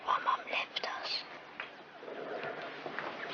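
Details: Acted TV drama scene: boy diagnosed with hysterical dysphonia linked to emotional upset over parents' breakup and moving house and school; whispered speech (functional dysphonia).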